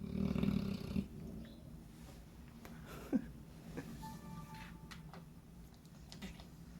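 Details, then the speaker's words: Six-month-old puppy asleep, snoring so deeply it sounds like a grown man: low, rumbling, vibrating breath sound with some room noise; snoring. "this is the human snoring dog got in that's crazy sound like a straight up man mmm this is just a puppy six months"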